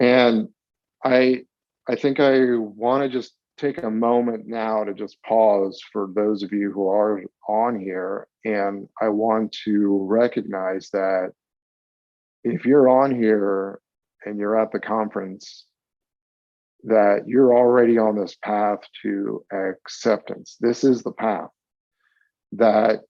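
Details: Stuttering in a 42-year-old man, with onset around age eight and several years of speech therapy during school.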